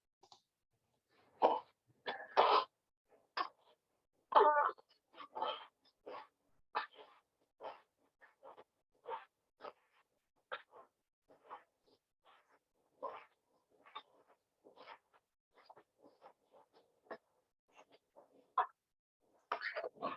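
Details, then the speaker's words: Baby boy with severe respiratory distress and marked hyperinflation, still alert and not looking very unwell, makes repeated noisy sounds on breathing out, heard without a stethoscope: an expiratory wheeze, presented in teaching on pneumonia and bronchiolitis. "uh i hope what you can notice from that video is the baby doesn't look very unwell is still alert but he has severe respiratory distress and he has marked hyperinflation and i hope you noticed that the noise he was making"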